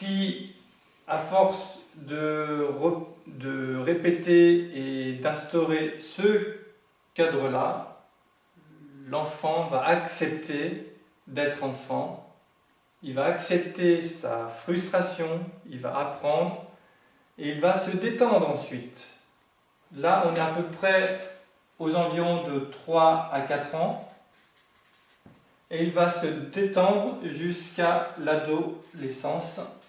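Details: Adult French-speaking man who has stuttered since childhood, for decades, and says he now manages to speak through it; stuttering.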